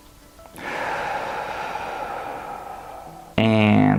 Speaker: But we can control our breathing. So, you just take deep, long breaths. (breathe in)